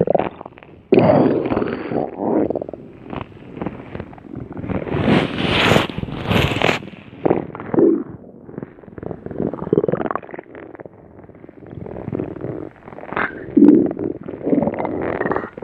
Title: Cream Puff Cookie's Stomach Growl